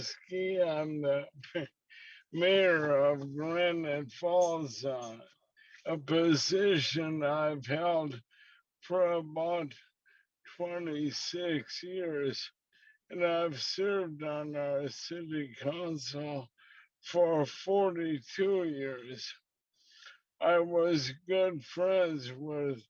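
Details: Man about to turn 69, diagnosed with slowly progressing ALS about 2 years ago, which he says audibly affects his speech; dysarthria (ALS).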